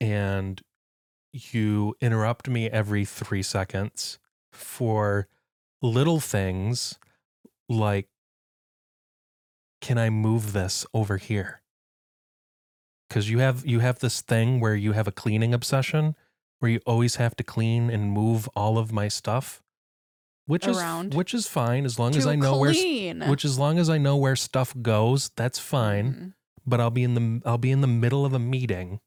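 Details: Adult male speaker; plain speech.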